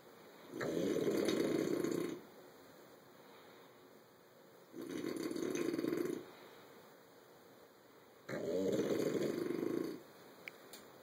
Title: Snoring bulldog as he's owner amazing